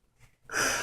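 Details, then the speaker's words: Small kitten sneezing into a toy cup: a faint intake, then a short sharp hissing burst of air. "She sneezed into the cup. Bless you, Elsa."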